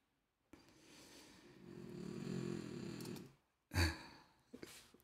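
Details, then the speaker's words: A dog snoring in a quiet room: one long, low, fluttering rattle on the in-breath, then a short snorting puff out. "can you hear my dog snoring she's so funny she cracks me up"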